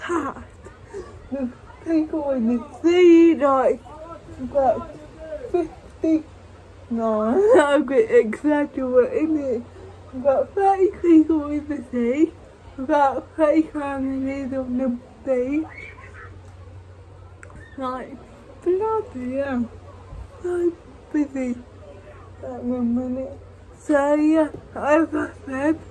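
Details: Woman with cerebral palsy speaking in her own vlog; dysarthria due to cerebral palsy.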